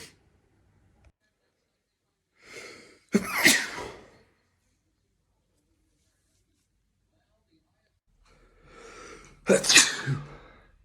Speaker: I told you I was gonna sneeze. Bless me. Bless me.